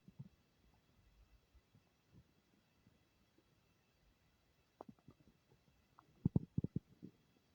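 Quiet, low, irregular gurgles and soft pops, with a louder cluster of bubbling rumbles near the end: audible bowel sounds, stomach rumbling.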